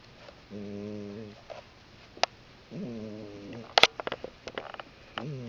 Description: My cat snores really loudly and for some reason I find that funny.